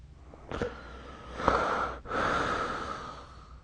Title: 🐽 Snoring Sleep Sound